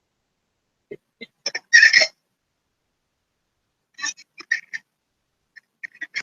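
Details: Stridor in a child with croup.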